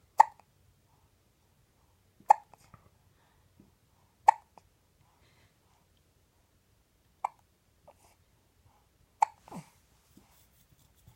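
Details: Child with hiccups: sharp, abrupt catches recurring every two to three seconds, about five in eleven seconds, in a quiet room.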